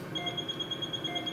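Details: Steady, rapid high-pitched beeping at about ten pulses a second from an Iridex 940 nm laser firing while treating facial and nose spider veins in a sedated man; faint room noise beneath.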